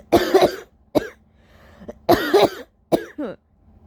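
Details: Two intense coughing fits following a sneezing fit, in a very tired person: each bout of strong, harsh coughs a loud double cough followed by a quick catch of breath.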